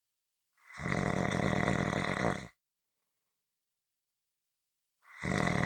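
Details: Long, harsh rattling noises on each breath, separated by silent pauses of about two and a half seconds; loud snoring.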